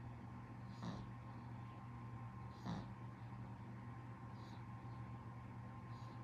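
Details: Pug sleeping propped up: soft, regular snorting snores, about four in six seconds, over a steady background hum; snoring.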